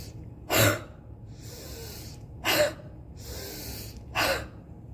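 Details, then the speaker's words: Three forceful, breathy, open-mouthed huffs, each after a deep breath in. A physiotherapist demonstrates the forced expiration technique for post-COVID recovery to clear lung secretions and ease cough. "So next exercise is huffing. This exercise will help you to clear the lung secretions. If you have cough, this exercise will help you."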